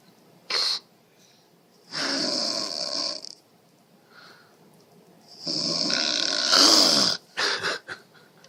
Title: Snoring mom scares baby